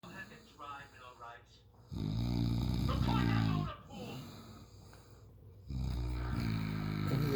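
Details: Man asleep, keeping his partner awake, who links the noise to his weight: loud, rattling low snores on the breath, with a quieter snorting breath between them; heavy snoring.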